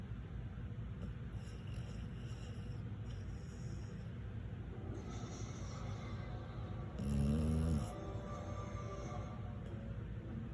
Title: Snoring dog with tongue hanging out of her mouth